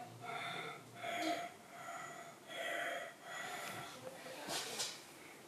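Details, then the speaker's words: Several deep, noisy breaths, one every second or two, taken on request as a doctor auscultates a young girl with a lingering cough and sputum after fever; fever absent 4 days; doctor notes harsh breathing. "В сторонку. В сторонку, не балуйся, хорошо дыши. Глубоко."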